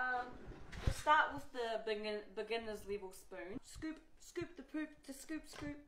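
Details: Vocal tics of Tourette syndrome in a young woman, with a repeated tic phrase occurring within her speech.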